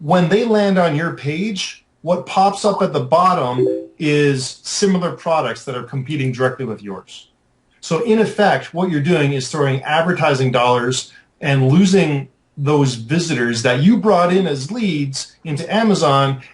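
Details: Adult male speaker; normal speech.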